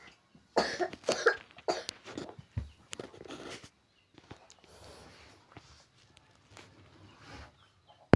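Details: Child said to be coughing after snacking on ice drinks and candy: a run of about five short, soft coughs in a small room, then quiet breathing and faint movement; repeated cough.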